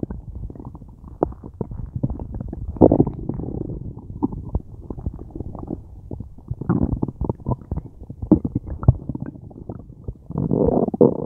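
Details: Continuous loud, low rumbling and gurgling with rapid popping bursts from the belly, recorded during a tummy ache; very active bowel sounds (borborygmi).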